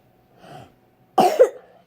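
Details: A child in a quiet room takes a soft breathy intake, followed by a single sharp cough burst. Isolated cough.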